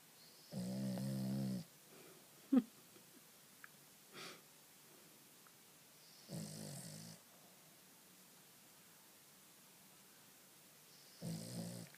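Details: Dog Oreo asleep in a quiet room: three low rumbling snores spaced several seconds apart; snoring.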